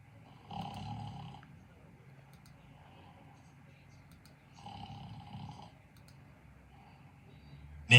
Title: LOOK WHAT I DID TO SNORING EFFECT FOR THE 4TH TIME!